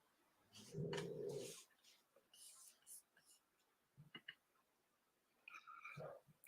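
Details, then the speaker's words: A napping dog, Amber, gives one loud, rough, low snorting breath, then quieter faint breathing amid small room noises; snoring. "you can hear Amber snoring she's having a a nap"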